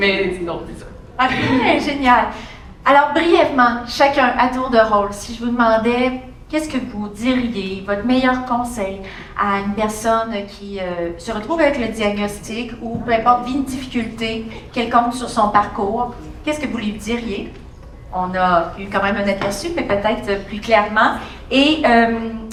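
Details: Adult woman speaking French; normal speech.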